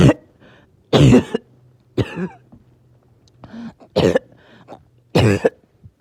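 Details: Evening coughing fit in someone whose oxygen was good all day, then suddenly hard to breathe: five harsh, wet-sounding coughs about a second apart over a low steady background hum.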